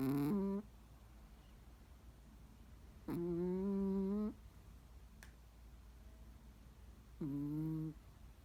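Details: Small Chihuahua sound asleep producing big, loud snores; snoring.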